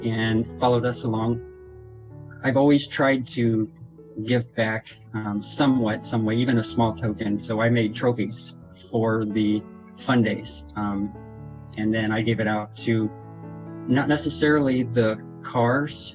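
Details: Adult man with progressive multiple system atrophy affecting motor and autonomic function, diagnosed June 2017, reporting difficulty getting speech out correctly; dysarthria.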